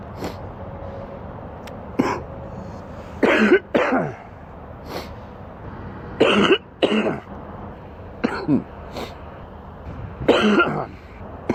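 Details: Adult man sick with an extremely stuffy nose gives several deep, harsh coughs in short doubled bursts, wet and rattly: a wet productive cough.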